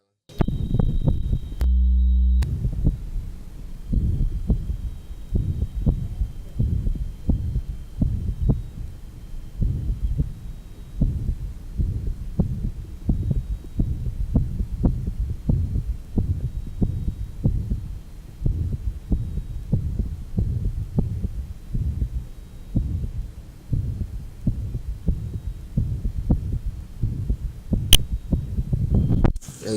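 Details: 1955 Johns Hopkins heart sound laboratory recording, rheumatic heart disease, likely at the left lower sternal border after aortic and pulmonic areas: mitral stenosis with mitral insufficiency (regurgitation) murmur.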